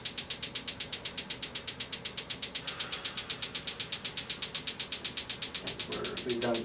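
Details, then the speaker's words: Extracorporeal shockwave therapy on a man's Achilles tendonitis at intensity level 13, aiming for 3,000 pulses, unit stated to fire eight pulses per second: rapid, very regular sharp clicking pulses, with brief voices near the end. "fortunately the machine does eight pulses per second so it's not going to take us three thousand seconds to the treatment"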